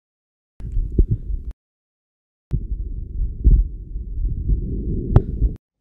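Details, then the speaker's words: Normal physiological bronchial breath sounds through the stethoscope diaphragm, heard near the large bronchi and tracheal bifurcation, in a teaching demonstration: low, hollow airflow in two breath phases, a superposition of tracheal and vesicular sounds. "bronchial breast sounds are the result of the superposition of tracheal breast sounds that we perceive in the neck and normal or vascular breath sounds which we will explain below"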